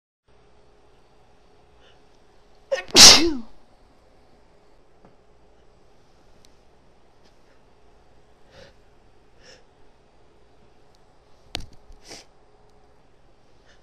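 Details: Woman sneezing from snuff: one loud, explosive sneeze, then a quieter sniff-like burst later, in a quiet room.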